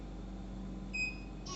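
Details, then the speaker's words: Single short electronic beep over a steady machine hum as the timer key is pressed on a ZY-5AW oxygen concentrator control panel. "To rapidly reduce the timer, press and hold the key. So now there is no timer."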